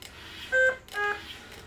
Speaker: The other common thing you might get is high respiratory rate. And it starts out as a low priority, which is the little uh-oh.